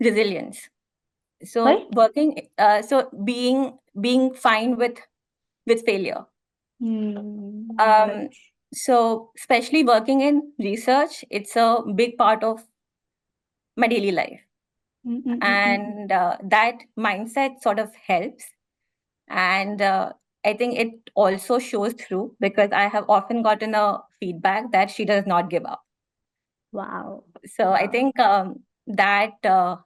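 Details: Stammering in an adult woman, real speech.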